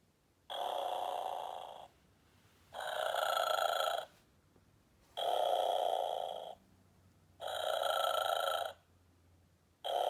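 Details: Simulated snoring from a Santa and polar bear plush toy: regular mechanical snore sounds, each over a second long, about 14 a minute with quiet gaps, imitating snoring.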